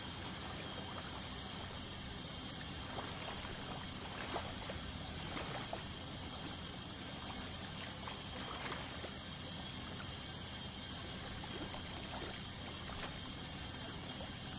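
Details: Dental scaling to remove tartar: steady high hiss and water spray with faint scraping clicks; ultrasonic dental scaler.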